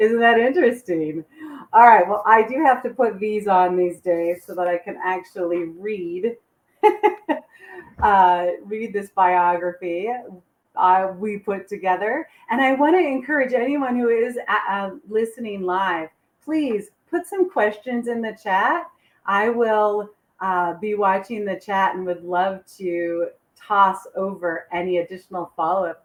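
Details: Adult woman speaking; unaffected speaker.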